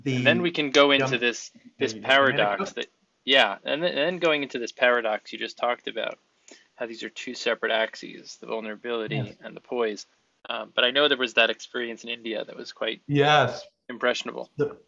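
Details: Adult male speaker; typical speech.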